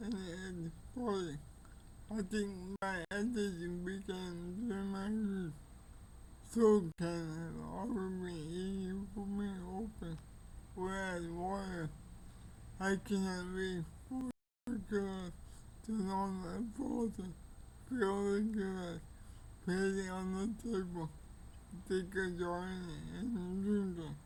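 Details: Older man with cerebral palsy; dysarthria.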